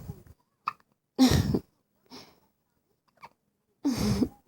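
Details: Baby girl's first hiccups: brief, sharp hiccup sounds in a quiet room, with two louder infant vocal bursts between them.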